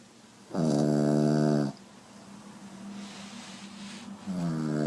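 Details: Loud, rough, buzzing, pig-like breath sounds from a sleeping small Pugalier dog (pug–cavalier cross), with a quieter breath between: snoring.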